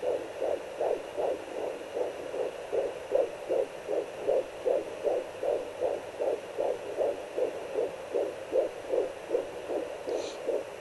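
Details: Fetal heartbeat at 13 weeks 5 days of pregnancy on a home fetal Doppler, with the baby moving: fast, regular whooshing pulses at about 154 a minute.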